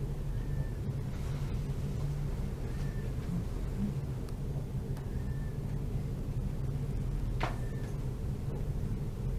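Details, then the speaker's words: Virtual simulator of a child's lungs: harsh breathing, fine moist crepitant crackles and dry whistling wheezes; the simulator plays a respiratory rate of only 25, slower than the clinical picture suggests. "Аускультативно в легких жесткое дыхание, влажные, мелкопузырчатые и крепетирующие хрипы и сухие свистящие."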